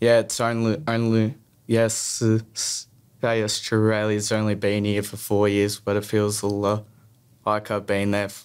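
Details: Stuttering in a young male who stutters.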